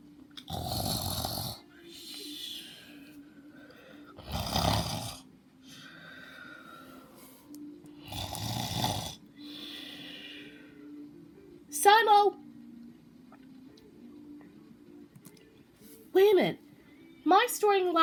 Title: The incredible snore